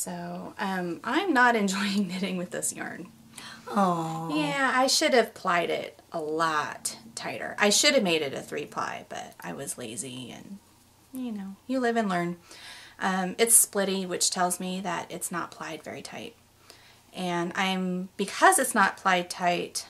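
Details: Adult woman speaking; normal speech.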